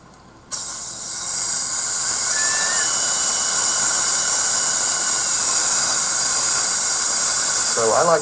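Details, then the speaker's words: CEREC crown bite adjustment: steady high-pitched whine and water spray hiss from a dental handpiece with fine-grit diamond, grinding a high spot on the distobuccal cusp found with shim stock. "now you'll notice I'm using a fine grit diamond and water spray to do this yep"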